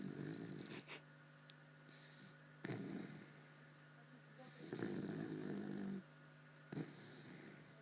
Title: Сладко спит аж храп стоит